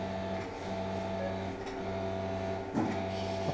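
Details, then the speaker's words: Steady low motor hum with a buzzing tone: arthroscopic shaver removing fragments during left shoulder arthroscopy in a 2-year-old lame, active dog with osteoarthritis and fragmentation of the caudal glenoid. "Okay, so I need a shaver. Shaver, please. Yes, I need a shaver. Give me a shaver, please."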